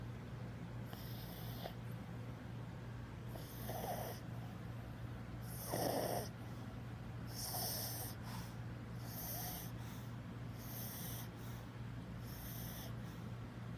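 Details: Willie, an 11-year-old pug sleeping on a hotel bed: soft snorting snores with hissy breath noise, about 8 breaths in 14 seconds, over a steady hum.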